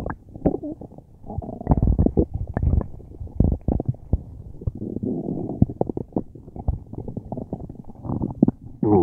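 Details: Person with a tummy ache, since resolved: loud, continuous gurgling and rumbling with irregular low bubbling pops; very active bowel sounds, borborygmi.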